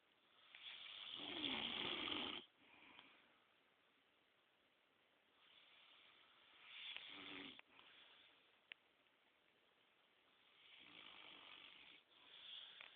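Harsh rasping snores, the first loudest, recurring with quiet pauses between breaths, plus a brief click. Heavy snoring.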